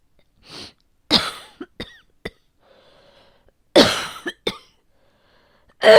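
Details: Three harsh coughs, each trailed by shorter catches, from an adult with known asthma who says it may be flaring today, at the change of seasons.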